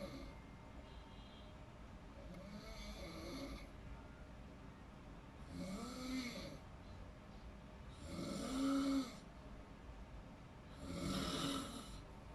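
Four rhythmic snores, roughly every two and a half seconds, a rough vibrating sound on each inward breath over steady background hum: snoring in sleep.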